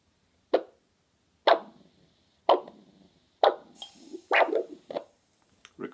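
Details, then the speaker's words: Ankle systolic pressure measurement with handheld Doppler and sphygmomanometer cuff on lower leg, checking for critical limb ischaemia: regular whooshing arterial pulses, about 64 a minute, reappear as the cuff deflates, marking systolic pressure. "the pressure the first audible return deflate the cuff level level and repeat on the other"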